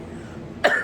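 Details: Adult woman who says she has allergies and a lung infection: one short, harsh cough after quiet room noise.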